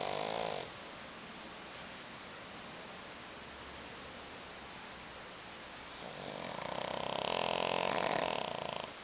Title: Kuri The Snoring Pug